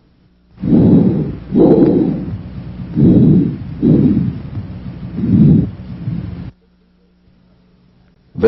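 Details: Healthy patient's chest auscultated during a thorax and lung examination; soft, low-pitched rustling breath sounds over a few cycles, no crackles or wheezes, faint hum behind: normal vesicular breath sounds.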